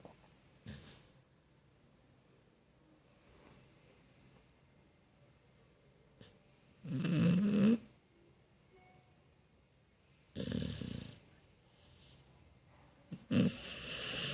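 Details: Sleeping dog snoring: irregular snorting snores spaced a few seconds apart over quiet room noise; snoring.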